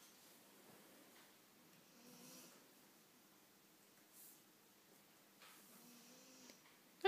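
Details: Scottish terrier napping on owner's knee gives soft, buzzing snores, two breaths a few seconds apart in a quiet room: snoring.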